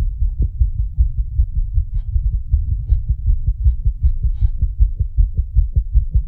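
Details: Fast, strong, regular low thumps at roughly 158 beats a minute, the creator's own heartbeat; a racing, pounding heartbeat.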